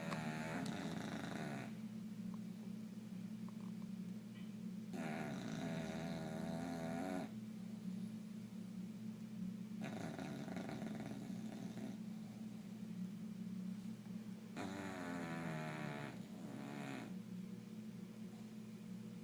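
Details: Loud rattling snores about every five seconds, roughly 12 a minute, from a bulldog sleeping restlessly, over a steady low hum; snoring.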